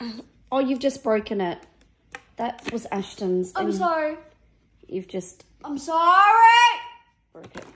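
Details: Adult speaker, possibly two voices; no speech disorder.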